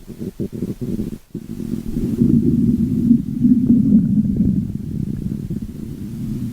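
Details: Stomach growling (borborygmi): loud, sustained low rumbling growl with a few gurgles at the start.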